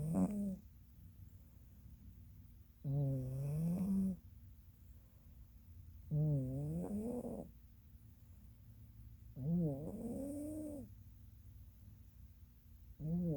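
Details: Slow, rhythmic, wavering snores about every three seconds, roughly 18 a minute, over a steady hum, from a female Norwegian Forest Cat napping; snoring.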